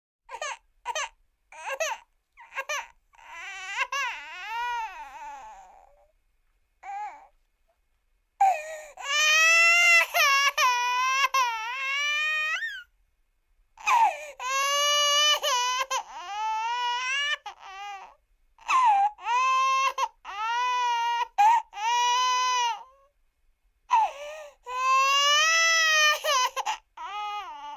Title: Baby Crying Told Something